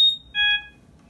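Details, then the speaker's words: A sharp high chirp, then a short steady beep of about a quarter second, as a Philips Respironics Trilogy EVO ventilator is powered on by pressing its button, in a demonstration. "To turn the machine on, just press the button."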